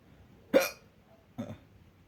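Two abrupt, short gulping bursts about a second apart in a quiet room: hiccups.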